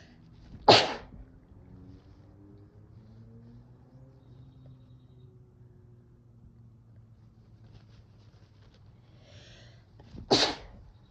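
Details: Sneezes induced with chhinkni (sneezing powder) to relieve cold-induced nasal congestion: two sharp, explosive sneezes about ten seconds apart with quiet room noise between.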